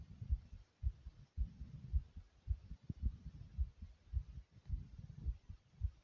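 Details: Person's own fast, hard heartbeat, rapid strong thumps at about 110 a minute, with a few soft gurgles of stomach growling; fast forceful heartbeat.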